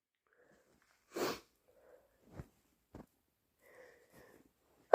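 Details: Induced sneezing: one short sneeze burst followed by faint sniffs and small nasal noises in a quiet room.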